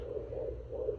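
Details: Fetal heartbeat at 18 weeks of pregnancy on a handheld home fetal Doppler with gel on the belly: fast, rhythmic whooshing pulses.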